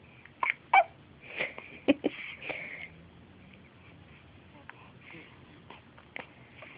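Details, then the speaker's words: One-week-old baby's hiccups: soft, sudden catches of breath with little squeaks at irregular intervals in a quiet room; the baby doesn't seem bothered. "We have hiccups. Doesn't seem bothered by"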